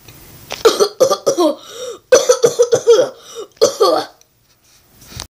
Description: coughs